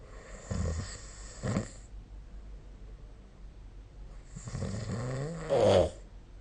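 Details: Snoring during sleep, recorded with the SnoreLab snoring app on 2025/04/29: low vibrating snores on breathing in, then one long rattling snore ending in a louder snort.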